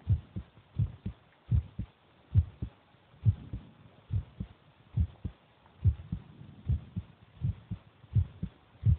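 Steady paired heart sounds, about 75 beats a minute, with faint chewing noise between beats; normal heartbeat.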